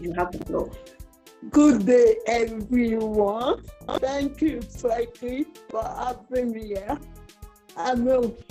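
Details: Dysarthria in a 47-year-old woman with cerebral palsy, which presents through her speech.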